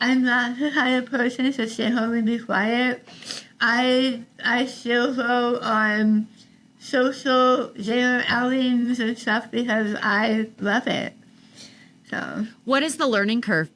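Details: Adult woman about 3 years after treatment for stage 4 tongue cancer: over half of tongue removed and rebuilt with forearm skin graft, neck dissection, 6 weeks radiation and chemotherapy; some listeners cannot understand her; articulation disorder after partial glossectomy.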